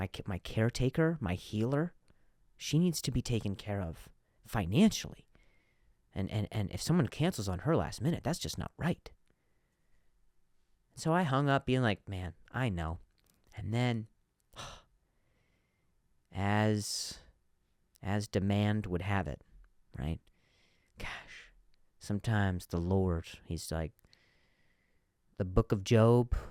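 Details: Adult male comedian who stutters, speaking naturally; he reports some words are hard for him to say; stuttering.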